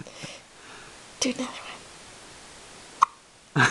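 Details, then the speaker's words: Faint, brief hiccups from a very small baby girl, with soft whispered talk in a quiet room. "Do you have the hiccups"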